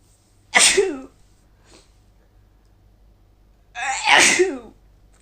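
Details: Female with a newly starting cold, sneezing: two forceful sneezes, each with a sharp voiced burst, in a quiet room.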